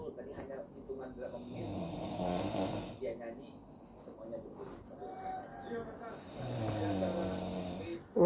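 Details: Snoring recorded from the speaker's father during sleep: rough, rumbling snores with each breath, with some room noise; ordinary snoring.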